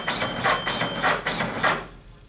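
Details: Automatic piston CPR device running in 30:2 mode during a demonstration: rapid rhythmic mechanical thumps with a steady high indicator beep, then slowing to a stop as compressions pause for two ventilations.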